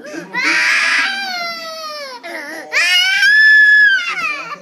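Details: Infant crying: loud, drawn-out wailing cries with a few short breaths and whimpers between them.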